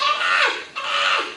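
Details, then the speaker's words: An adult imitates the high-pitched, shrill cry of a newborn withdrawing from substances, in two short 'ah' cries: the abnormal cry scored on the neonatal abstinence score sheet (neonatal abstinence syndrome). "instead of, wah, wah. You know, it's a cry, it doesn't sound right. You'll know it when you hear it."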